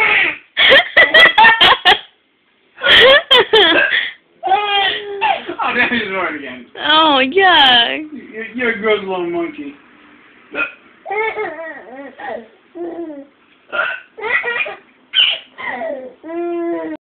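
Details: Infant ("he") makes short, abrupt hiccup sounds followed by cooing and whimpering in a quiet room: hiccups.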